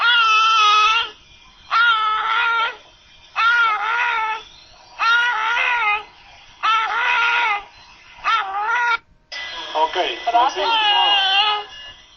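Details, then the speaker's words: Newborn with hypoxia and respiratory distress: short, high-pitched voiced expiratory grunting with each breath out, observed alongside nasal flaring and subcostal retractions; expiratory grunting. "escuchemos el quejido y observemos al mismo tiempo otros signos de dificultad respiratoria como aleteo nasal y retracción subcostal"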